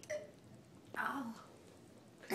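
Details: Single abrupt, voiced hiccup with a brief breathy sound before it, in a quiet room, during a very painful bout of persistent hiccups that a companion tries to stop by having her sing the alphabet.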